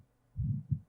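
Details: Own heartbeat recorded for ASMR listening with earbuds: a single low, muffled lub-dub pair with the start of the next beat; normal heartbeat.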